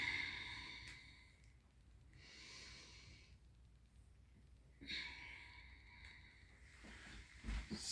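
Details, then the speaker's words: Patient asked to take deep breaths during a focused respiratory assessment: slow, deep breaths with soft airy in-and-out sounds, equal bilateral chest expansion, normal deep breathing. "could you take deep breaths for me"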